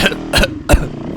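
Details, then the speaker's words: Man coughing while riding a dirt bike on a hard enduro trail climbing toward 9,700 ft; recurring cough throughout the trip; three short harsh cough bursts in just over a second over engine and wind noise. "this is I got that cop this whole trip every every ride I'd have a little coffin's bat"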